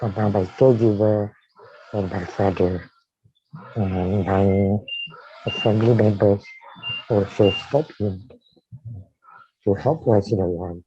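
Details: Dysarthria in a man with amyotrophic lateral sclerosis diagnosed in 2018, tracheostomised in late September of the previous year.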